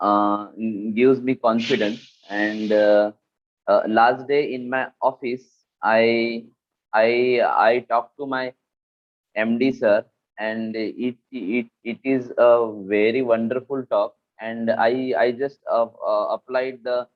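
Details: Adult man with stuttering who says he learned to manage it through a stammering association, the bouncing technique and the McGuire course.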